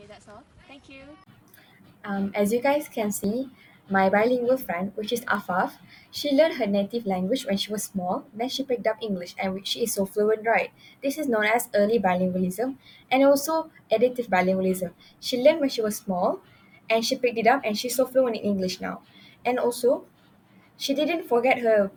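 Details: Adult woman speaking; normal speech.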